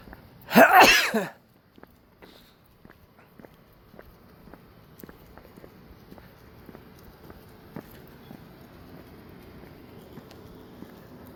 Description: some sneezes while walking home